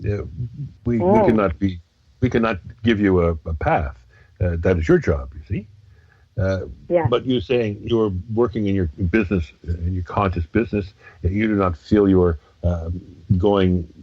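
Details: Adult man speaking; no voice disorder.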